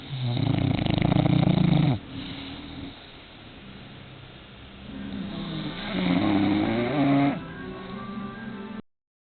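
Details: 1-year-old female bulldog snoring while asleep: loud, deep rattling snores with softer breaths between; owner says she sounds like a motorcycle once she wakes, around 38 seconds.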